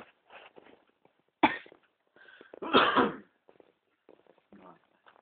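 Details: An adult in a small room gives two loud, harsh cough bursts with quieter soft sounds in between and afterward, while a cat meows in her sleep in response; plain cough.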